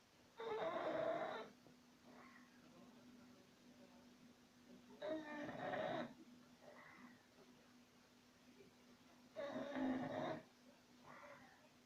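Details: English Bulldog snoring in sleep: three rough, fluttering snores about four seconds apart, each followed by a soft breath out, with a faint steady hum behind.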